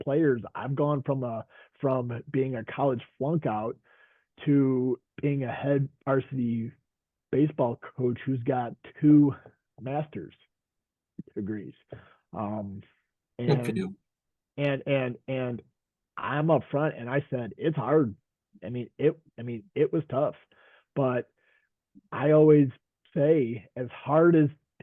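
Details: Stuttering in a man who stutters, a veteran high school coach and special education teacher, speaking in a group session.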